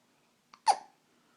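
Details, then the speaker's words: Infant with hiccups just after eating: a single brief, sharp catch of breath preceded by a faint sound; one hiccup. "say hello everybody we just ate now we have the hiccups"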